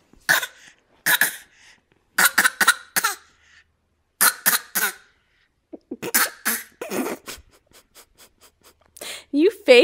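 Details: Infant making short playful bursts of deliberate coughs on request: voluntary fake cough.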